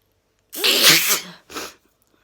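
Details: Sneezing: one loud, forceful sneeze with a sharp hiss, then a brief sniff or second small burst.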